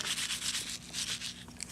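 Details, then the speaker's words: Imitated, not recorded, pleural friction rub in a nursing respiratory review: repeated coarse scratchy rubbing bursts like leather grating, representing inflamed pleural membranes rubbing together during breathing. "And the reason for that is this part is inflamed, or the membranes are inflamed and it's rubbing on each other, and that's no good."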